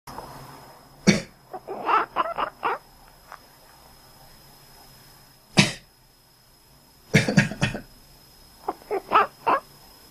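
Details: Several harsh adult coughs, single and in a quick run, each followed by short quacking calls from a cat that reacts to the owner's coughing; plain cough.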